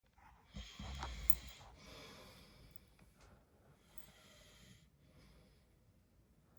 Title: Tonight Man snoring